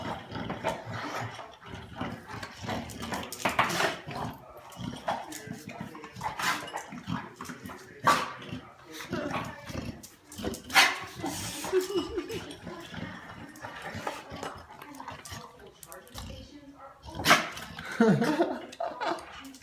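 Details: An American bulldog puppy sneezes in a series of about five sharp bursts while eating; a sneezing fit.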